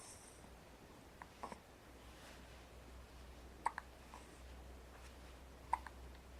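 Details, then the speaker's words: Infant boy with soft, brief hiccup clicks every couple of seconds in a quiet room; hiccups. "ryan has the hiccups"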